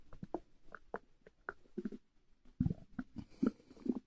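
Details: Borborygmi at night from air in the stomach: quiet irregular gurgles and pops, with deeper rumbling toward the end.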